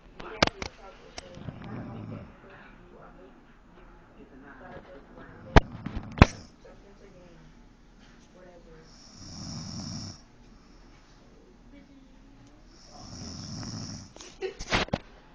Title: My MaMa Snoring Like A Muthafuxkaa